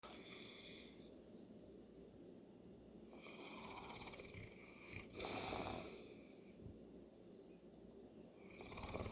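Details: Loud, rough snoring breaths with a rattling snort midway over steady room noise from a sleeping St. Bernard whose allergies are acting up; snoring.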